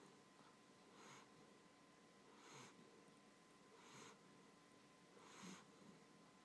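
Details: Soft, regular snorting snores about every 1.5 seconds, roughly 40 a minute, over steady room hum.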